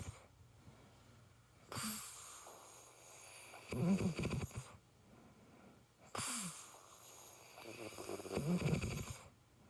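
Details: Adult woman (wife) snoring in sleep: loud rattling snores on the in-breath with quieter exhalation, about 13 breaths a minute.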